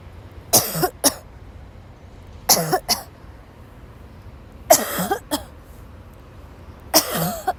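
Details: Young woman who woke up sick, in a violent coughing fit that made her leave class: four harsh, dry coughing bursts, each followed by a short second cough, spaced a couple of seconds apart; a dry coughing fit.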